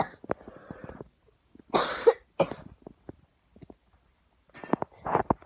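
Several harsh, explosive coughs in two bursts with quiet gaps between; a plain adult cough.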